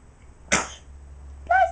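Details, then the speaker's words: A 9½-month-old baby girl playing with pyjamas gives one short, sharp, small sneeze, followed by a brief voice sound: infant sneezing. "you are you pleased with yourself after that sneeze did you like that sneeze was that a good one"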